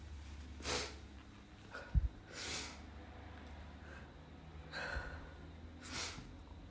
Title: trying to be quiet (stifles and muffled sneezes)